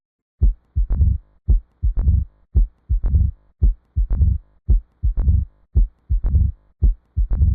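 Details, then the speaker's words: Mid-diastolic murmur at the mitral and tricuspid areas, heard between S2 and S1: slow regular heartbeat with a low rumbling murmur in mid-diastole. "بالنسبة للترايكاسبيد والمايترال راح اسمع بيها ميد دايستوليك مرمر. شنو ميد دايستوليك مرمر؟ هم بين الاس 2 والاس 1 اللي هي قلنا المنطقة اللي يصير بيها الدايستول، ف بيناتها راح اسمع ميد، من اسمه ميد يعني بالنص، ميد دايستوليك مرمر."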